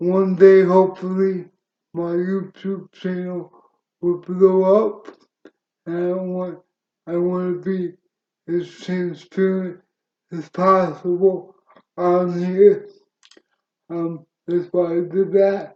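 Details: Adult man with cerebral palsy since birth, which he attributes to oxygen loss to the brain during birth, wheelchair user, reports a speech impediment and says his CP is worsening with age: dysarthria (cerebral palsy).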